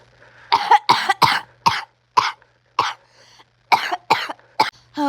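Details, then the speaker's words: Person in a prolonged coughing fit lasting minutes while trying to record a video, with throat clearing: a run of about ten sharp, harsh coughs in quick succession with short pauses. "Bro I need to stop coughing, dude."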